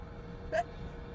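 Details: Woman sneezing while driving, during an allergy or hay fever sneezing fit: a single short, sharp voiced burst over car noise; sneeze.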